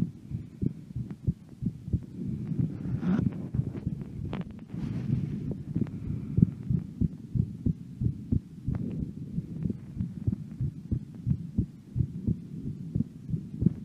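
Steady low heart thumps at roughly 90 a minute with no breath sounds, recorded during a breath hold.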